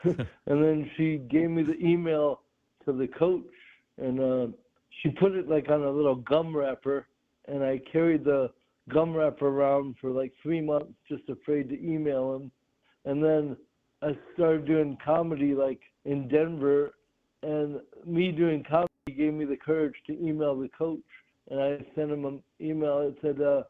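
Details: Adult male comedian with cerebral palsy, which he calls severe, has dysarthria from cerebral palsy, heard in conversational interview speech.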